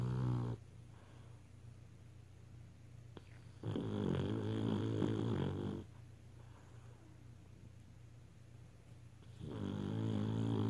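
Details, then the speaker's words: Sleeping beagle snoring: loud, rumbling snores about 5 seconds apart with quiet breaths between, over steady room hum. "You snore yourself awake?"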